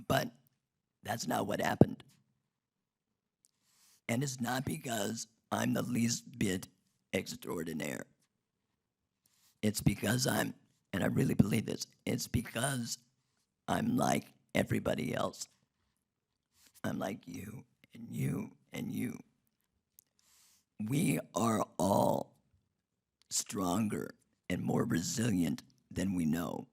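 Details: Adult man whose larynx was removed in 2016 due to long-term radiation damage from cancer treatment 19 years earlier, speaking with an artificial voice and breathing through a neck stoma; alaryngeal speech after total laryngectomy.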